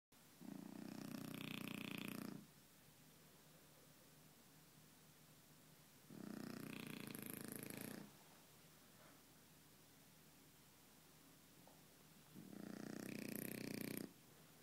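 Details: A French bulldog snoring on the sofa: three long, loud rattling snores about six seconds apart, with quiet pauses between.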